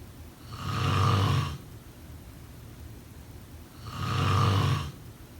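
Two deep, rumbling snores about three seconds apart, swelling and fading with each breath; typical snoring.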